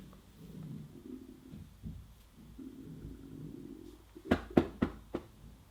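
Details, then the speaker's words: Adult woman's stomach rumbling while talking in a cold flat: low gurgling rumbles rising and falling for several seconds, then short knocking sounds, with faint room noise; borborygmi. "sometimes it's colder in here than it is outdoors shut up tummy tummy's rumbling"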